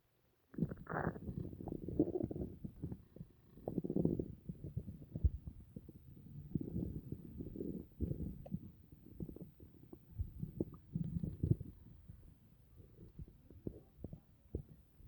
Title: stomach noises after dinner